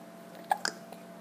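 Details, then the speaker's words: Baby who gets hiccups every time he smiles, hiccuping soon after laughing: two quick, sharp catches of breath close together in a quiet room. "इतना सच हंसाना रे, इतनी जल्दी हिचकी आ गई."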